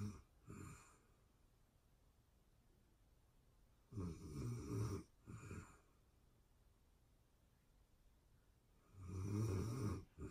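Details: Real-time snoring of a sleeping person: loud, low, rumbling snores recurring in a slow breathing rhythm, with quiet pauses between them; snoring.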